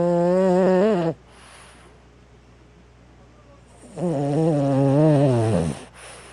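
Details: Five-year-old male, species not stated, snoring while asleep: two long, loud, tonal snores with wavering pitch, separated by a quiet pause.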